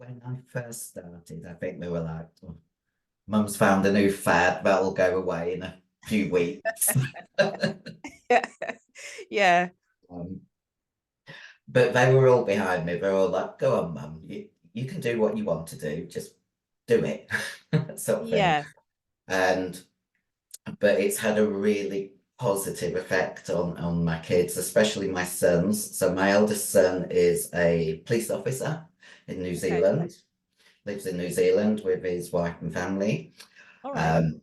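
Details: Adult female bodybuilder who took large doses of male steroids (performance-enhancing drugs); voice, formerly very high-pitched, became very deep and she can no longer sing; also has chronic kidney disease: androgen-induced voice deepening (virilization).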